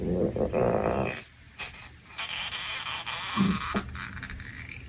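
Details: Adult male's stomach growling from hunger after a shower: low gurgling and rumbling with croaky, squeaky stretches; stomach growling (borborygmi).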